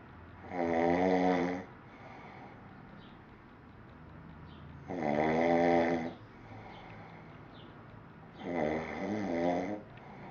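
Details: Adult male (father) snoring during sleep: three loud, rough, buzzing inspiratory snores with quiet pauses between, about 14 a minute; ordinary snoring.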